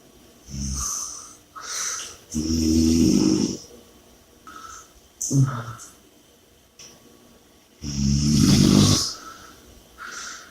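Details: Snoring and heavy breathing audio: loud rattling snores on inhalation alternating with quieter, whistly exhalations and heavy breathing between them, during sleep.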